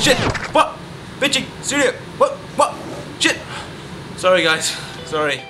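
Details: Acted: student-film character with Tourette syndrome, tics of noises and swearing since age six, shown as swearing outbursts followed by apologies; vocal tics (Tourette syndrome).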